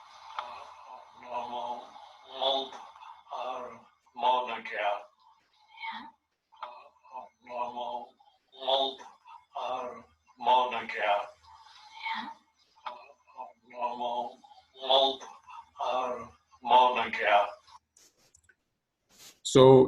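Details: Dutch-speaking patient with nonfluent variant primary progressive aphasia naming items from the shortened 15-item Boston Naming Test; finding: apraxia of speech.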